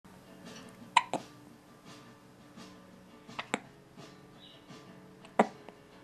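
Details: Hiccups: brief, sharp catches recurring at irregular intervals, about four in six seconds, over faint background music.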